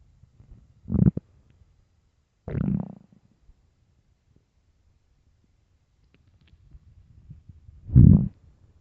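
Three short, low gurgling rumbles separated by silence. Ordinary stomach growling from hunger, a normal sound of gut movement.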